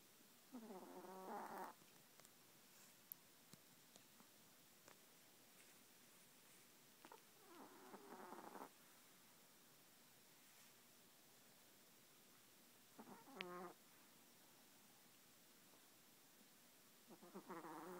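Brief buzzing snores repeat at irregular gaps of five to six seconds in a quiet room: snoring in a sleeping small dog.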